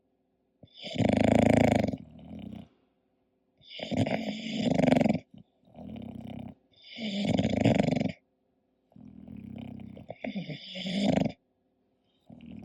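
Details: Sleeping English bulldog snoring: loud, rough snoring with long noisy inhalations and quieter exhalations, about ten breaths a minute.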